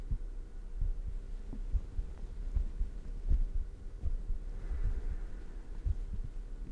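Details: ASMR heartbeat recording at high microphone sensitivity, no talking, with shirt noise: soft, low thumps at roughly 80 a minute under a steady hum.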